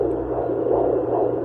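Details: Fetal heartbeat on a Sonoline B handheld Doppler over the pregnant abdomen, found again after the mother's heartbeat: steady whooshing, softly pulsing sound. The clip is too brief to count a rate.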